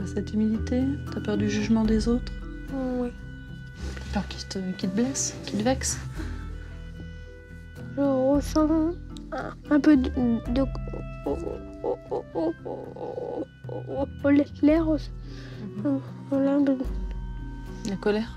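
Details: Stuttering in an 11-year-old boy, present since early childhood; speech laborious; parents' treatment attempts so far unsuccessful; real footage.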